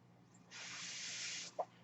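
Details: One-second rush of airflow hiss, then a brief click, over a low steady hum: one breath cycle from the podcaster's own home mechanical ventilator during a real recording.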